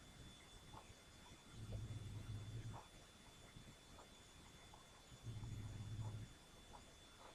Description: Mr. Tiddles is snoring, keeping Potato awake.